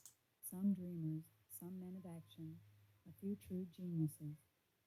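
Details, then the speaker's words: Simulated bilateral moderate-to-severe sensorineural hearing loss due to otosclerosis, right ear, female voice reading a passage: quiet, muffled speech with clearly reduced audibility, volume and quality. "okay so that was interesting definitely deterioration in the audibility the volume the quality"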